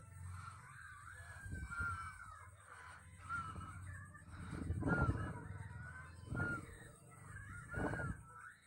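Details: Indonesian baby snoring loudly in sleep, tired after playing all day; the loud snoring is likened to a windstorm.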